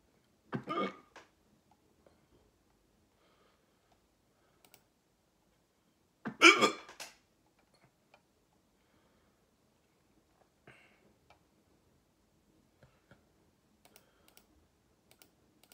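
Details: Persistent hiccups that won't stop. Two abrupt, sharp gulping hiccups a few seconds apart, with faint keyboard typing in a quiet room.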